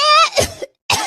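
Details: Acted cough in a Gujarati comedy sketch, character with a winter cough: voiced throaty onset, then two harsh cough bursts with a brief pause.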